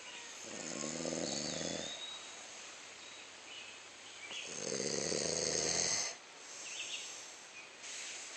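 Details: Man sleeping outdoors while camping, a baby squirrel playing on him: two long, rattling inhaled snores about four seconds apart, faint outdoor background noise; ordinary snoring during sleep.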